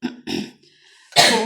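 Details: Cough from a person at home, heard in the background; the speaker says they are coughing again and finds it alarming.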